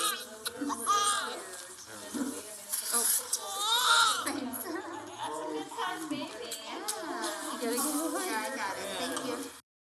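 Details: Thin, high-pitched cries of a newborn just after delivery by emergency C-section in a Calgary hospital, with adult voices and room noise in the background.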